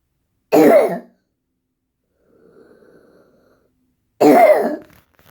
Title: Wheezing